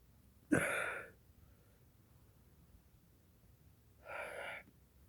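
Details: Sneezes deliberately induced with black pepper: one sharp explosive sneeze, then a softer breathy sneeze a few seconds later, in a quiet room, part of a run of repeated sneezes.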